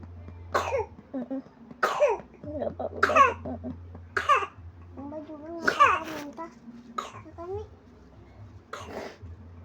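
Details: Cough: a young child coughs in a run of about seven short, harsh bursts with whimpering between, then vomits.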